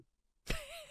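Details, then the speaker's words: Imitated mouth snoring, demonstrated to show mouth breathing during sleep: after a brief silence an adult makes a short, harsh open-mouth snore with a whistly, pig-like edge. "do the sound of a snore through your mouth and it goes like this"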